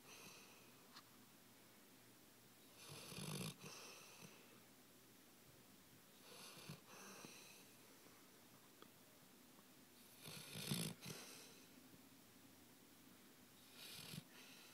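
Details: Four soft, rough snoring breaths over about fifteen seconds, roughly 16 a minute, in a quiet room; snoring.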